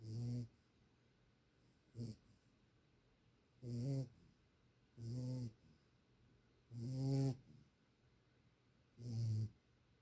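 Regular buzzing snores separated by quiet pauses, about six in ten seconds, from a sleeping puppy.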